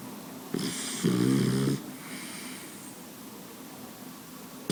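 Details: Boxer dog snoring: a single loud, rattling snore on the in-breath, followed by a softer hissing out-breath, in a quiet room.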